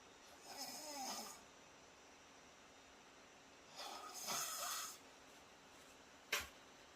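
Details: Dog sleeping in a comfortable position, snoring: two raspy snoring breaths and a short snort over quiet room hiss; startled by the sound of snoring and coughing.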